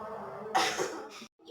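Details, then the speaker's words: Adult female patient taught effective coughing by a nursing student: breathes in through nose, holds 3 seconds, then one forceful deliberate cough to clear airway secretions; she reports her throat feels looser afterward. "Tarik nafas, tahan 3 detik, Ibu langsung batuk."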